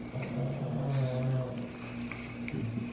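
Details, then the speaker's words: Pet dog snoring under a table: low, buzzing rumble rising and fading with breathing, then starting again. "That noise you hear is our dog Guido snoring."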